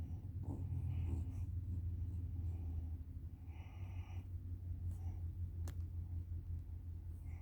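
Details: Dozing dog with a steady, low, rumbling breath noise heard as continuous soft snoring.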